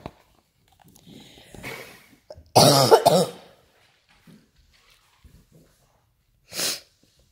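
A harsh burst of two or three coughs, then a single short cough, between faint quiet sounds; coughing during a flu illness.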